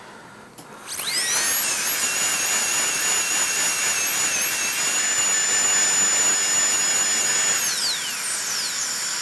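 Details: Dental continuing-education demonstration of restorative treatment of a malpositioned dentition: a high-pitched dental drill spins up, holds a steady whine for about seven seconds, then winds down.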